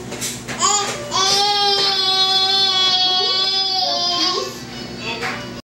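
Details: Baby boy, who refuses food and spits it out during feeding, gives a sustained loud high-pitched wail with short breaths between in a small room: infant cry.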